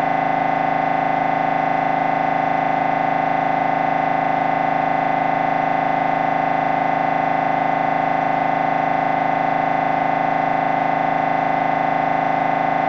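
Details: Loud, steady, rapid mechanical buzzing pulses, about 158 a minute, with a constant droning tone: MRI scanner noise recorded during a brain scan.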